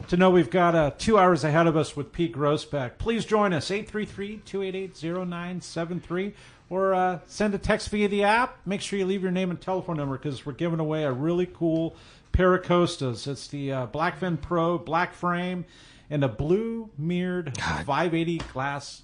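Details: Adult male radio host; Normal speech.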